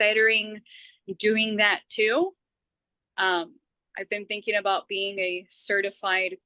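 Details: Adult woman who stutters, with part-word and word repetitions; stuttering.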